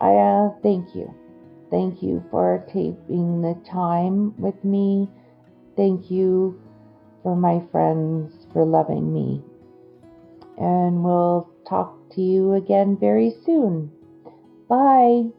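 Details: Adult woman with Broca's aphasia after a stroke that injured the Broca region of her brain, with word-finding problems and word substitutions; she tires as the day goes on and is more fluent on familiar topics.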